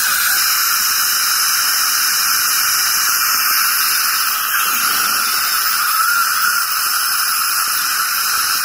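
Continuous high-pitched hiss and whine with a steady watery spray: an ultrasonic dental scaler removing plaque and tartar.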